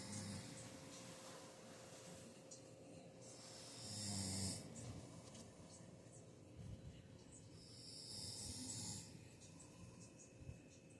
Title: He was #sleeping #good #snoring 🤣